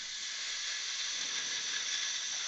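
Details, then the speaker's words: Dental implant screw retrieval for a loose implant crown with a stripped abutment screw head: a steady airy hiss of dental suction as stain remover is dropped into the screw access hole. "okay suction with me suction on I just want to put a drop in there"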